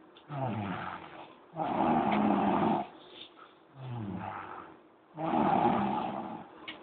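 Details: Deep, rumbling snores on both in-breath and out-breath, about 18 breaths a minute; loud snoring during a noontime nap.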